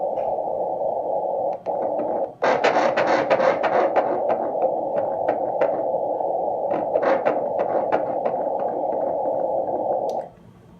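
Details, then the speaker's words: Fetal heartbeat on ultrasound Doppler at a second ultrasound in a plus-size pregnant woman with PCOS: rapid, loud rhythmic whooshing pulses over steady hiss, 177 beats a minute, faster than at the last scan. "Alright, so nice and loud. It would be a lot faster than last time. Okay. Heart rate today 177, and that's a good change from before."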